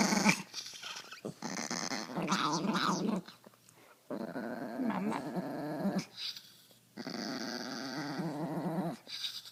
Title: Wheezing/growling Pomeranian FUNNY